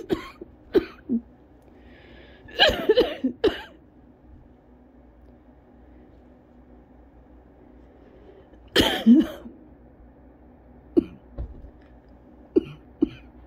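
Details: Coughing fit from cough variant asthma after a 40-minute run outside in the cold: repeated bursts of harsh coughing separated by quiet pauses, after getting home and using an inhaler, feeling very lightheaded.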